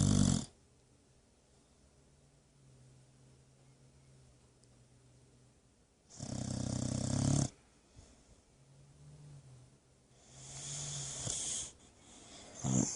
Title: Ruff life for Cruz the boxer who's snoring after busy day at park. Snoring like an old man